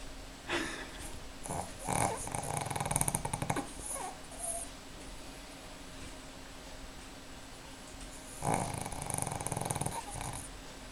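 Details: 4-year-old Pekingese dog napping on a Sunday afternoon: rough rumbling breaths in irregular bursts with faint whimpering between, in a quiet room; snoring.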